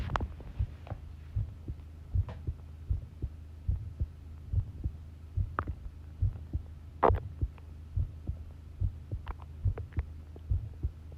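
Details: Long self-recorded heartbeat while listening to one's own pounding heart: regular low thumping at about 70 beats a minute, with a steady hum and a few faint background knocks; normal heart sounds.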